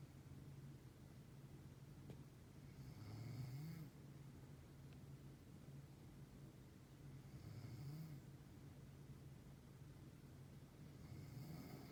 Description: I video taped this last year of my mother snoring.